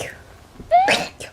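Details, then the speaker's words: A single high-pitched, squeaky sneeze from a singer of the girl group fromis_9, caught on camera: a rising tonal squeal, then a brief breathy burst. Sneeze. "방금 재채기한 거 찍혔거든요 와 진짜 대박인데"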